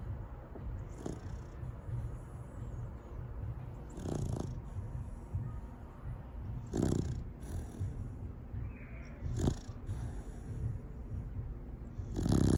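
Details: 7-month-old Labrador Retriever puppy snoring while asleep: low rumbling breathing with periodic louder rasping bursts every few seconds; snoring.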